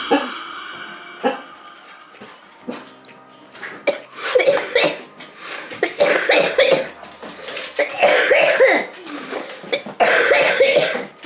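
Repeated harsh, wet-sounding coughs in clusters with throat clearing, a productive cough in cystic fibrosis with thick mucus.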